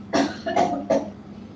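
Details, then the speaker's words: Cough from an unwell adult with a strange-sounding voice and heavy coughing, everyone at home also coughing: three short, rough cough bursts evenly spaced over about a second and a half. "আপনার শরীরটা ঠিক নেই ওর জন্য গলার আওয়াজটা একটু অদ্ভুত লাগছে খুব কাশি হচ্ছে"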